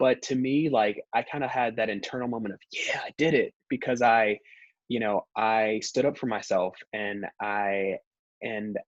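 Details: Stuttering in a speaker on a podcast by and for people who stutter, with audible pauses and word repetitions.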